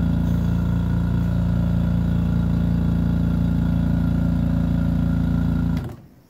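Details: Loud steady low compressor hum with a fast pulsing rattle, then a sudden drop to quiet, as a refurbished oxygen concentrator under flow-rate and purity testing runs, then stops.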